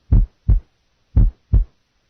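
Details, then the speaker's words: Normal single first heart sound heard at the apex on a teaching recording comparing S1 at the left lateral sternal border, apex and base. "okay that is the sound apex single first sound okay this is in effect apex for s1"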